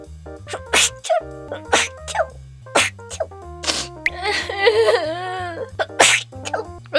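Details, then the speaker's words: Repeated sneezing right after a nasal swab for a COVID self-test kit: sneezing. "재채기 원래 이렇게 많이 나요?"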